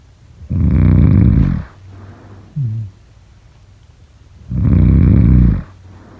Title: #snoring #sleepnoises #snoringasmr #sleepsounds #snoringsleepingsoundeffect